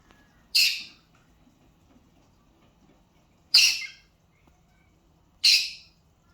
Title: Sneezing bird